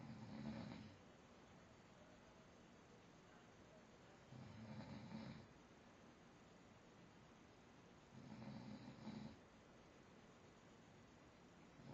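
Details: Snoring: three rough, rumbling snores on the in-breath, about one every four seconds (roughly 15 breaths a minute), with quiet pauses between.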